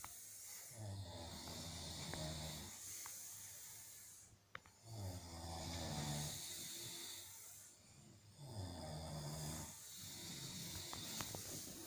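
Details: Several sleepers snoring in rhythm in a quiet room: deep rattling snores at about 17 per minute, each with a noisy breathy tail, overlapping.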